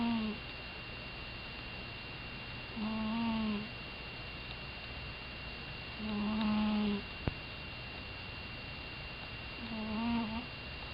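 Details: Sleeping cat snoring: soft, squeaky whistling snores on each breath, about four in ten seconds, over a steady background hum.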